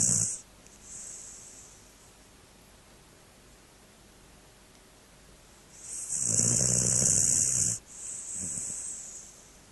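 Two noisy, snorting snores with softer wheezy breaths after each, separated by a long quiet pause.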